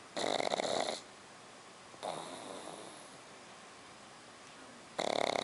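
Loud, raspy, rattling snores with a fainter wheezy breath between them, from a flat-faced puppy's narrowed airway.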